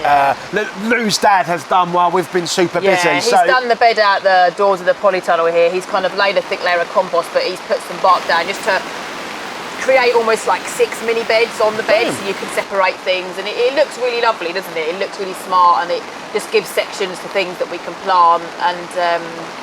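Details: Adult speaker; typical speech.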